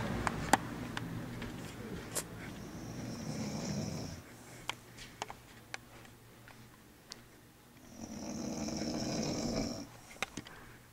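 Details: Aunt heavily snoring: loud, rough, rattling snores on breathing in, with quiet pauses and occasional room clicks.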